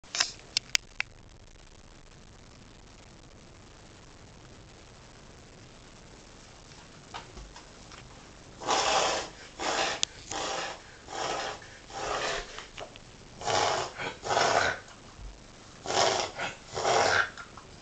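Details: A dog makes a rapid run of harsh, snorting inward breaths, a reverse sneezing episode.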